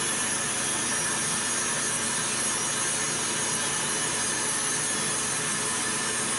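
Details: Routine preventive podiatry care: steady high-pitched grinding whine of a rotary nail drill reducing average, not thick, toenails on the first foot.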